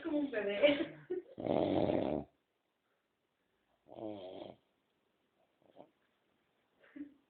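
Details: Loud, rough, rattling snores in a few bursts separated by silent pauses; startling snoring.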